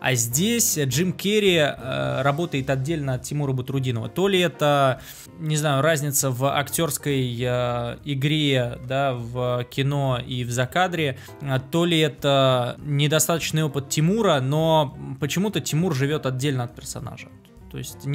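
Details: Adult male speaker; Normal speech.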